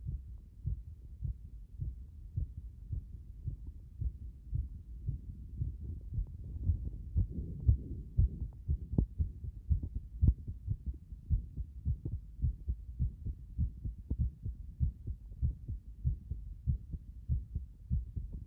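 Rapid heartbeat around 118 a minute with uneven spacing between beats, an irregular rhythm from frequent arrhythmic beats.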